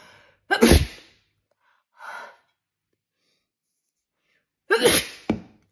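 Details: Sneezing from baking flour tickling and itching inside the nostrils: two loud, explosive sneezes separated by a soft breath in a quiet room.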